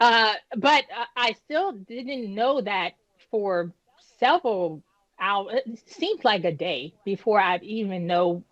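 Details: Woman nearly 10 years after an ischemic stroke at age 36 that damaged about a third of her brain, including the speech center, initially leaving her unable to speak; she has repetitions and word-finding pauses from post-stroke aphasia and apraxia of speech.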